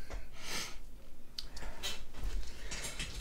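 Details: Adult man in a small room sneezing repeatedly after earlier hiccups: several sharp, hissing bursts of forced air close together.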